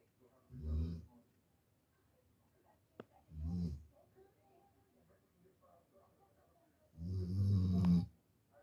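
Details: Female Labrador retriever puppy asleep and dreaming: three low, rumbling snores on the in-breath with quiet pauses between; ordinary snoring.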